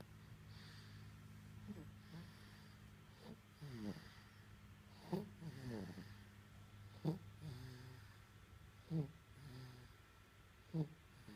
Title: Baby snoring